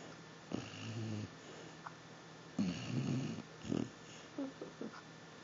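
A low, fluttering snore followed by a snorting breath and soft snuffles in a quiet room; snoring in a dog.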